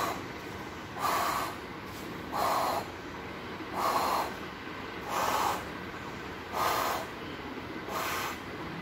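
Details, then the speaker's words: Vocally imitated pansystolic murmur of mitral regurgitation on a dummy patient, stethoscope diaphragm at the apex (mitral area), radiating to the axilla: regular blowing whooshes engulfing the first and second heart sounds. "The murmur is completely engulfing the first heart sound and the second heart sound, so it is a pansystolic murmur."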